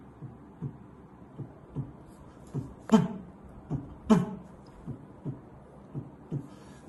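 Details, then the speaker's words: Accentuated pulmonary second heart sound (loud P2) on stethoscope auscultation: the second heart sound is loud at the pulmonary area and louder there than at the aortic area, in a cardiac examination teaching demonstration. "اهم حاجه تنز فعلا هي ان السكن ساوند عالي على البالموناري اكتر ما هو عالي على الاورط فاولا عالي ثانيا اعلى من اللي على الاورط ساعتها اقول ده اكسنتد بالمونري"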